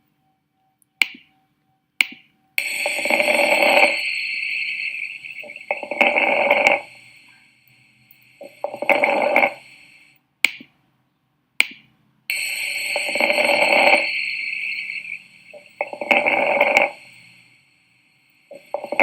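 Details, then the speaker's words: Teaching demonstration of crackles, likened to stepping on dry leaves, from fluid in the alveoli: rough crackling breath sounds over repeated cycles with a steady background whine. "Y es porque cuando llega el el aire a nivel de los alveolos tenemos presencia de líquido. Entonces hace como si fuera un burbujeo, por decirlo así."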